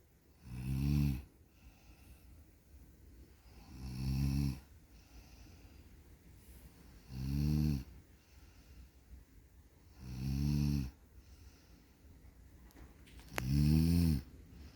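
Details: Snoring during sleep: five regular, deep, rumbling snores, about 19 a minute, with quiet between.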